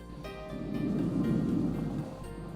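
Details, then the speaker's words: Simulated normal vesicular breath sounds on a teaching model, auscultated over the front of the chest: a soft, low rushing breath swells and fades over a steady background hum, shown as a normal case. "now what you would appreciate is the vesicular breathing sounds in a normal case"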